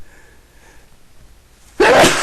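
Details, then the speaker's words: Sneeze: a quiet room, then one sudden loud sneeze at the end, from a person who had been sneezing a lot that day and says they sneeze all night. "I'm not done yet I'm to sneeze again excuse me I sneeze all night"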